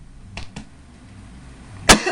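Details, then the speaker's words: Three brief, abrupt throat sounds in a quiet room, the last one louder: hiccups, which the speaker attributes to allergies. "I'm sorry, my allergies is really messing with me. It's making me hiccup."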